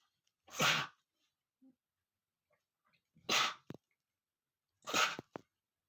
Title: male sneezing #36 (First I called a sneeze with a piece of paper, and then sneeze and sneeze ! )